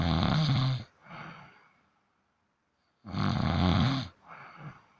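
Two loud, rumbling snores, each followed by a softer outward breath, roughly every three seconds: a sleeping cat snoring.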